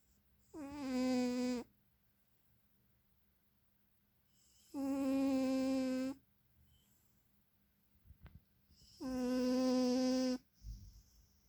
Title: My cat is snoring